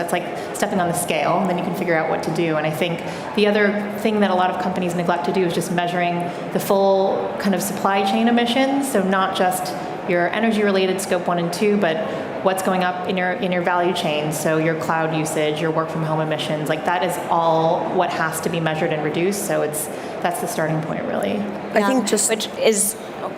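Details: Adult woman speaking; normal voice.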